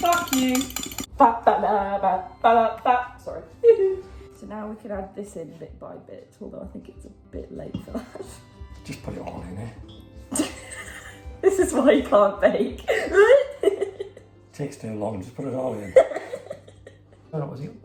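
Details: Woman with Tourette syndrome whose involuntary vocal tics, including coprolalia, interrupt her normal speech; Tourette syndrome vocal tics (coprolalia).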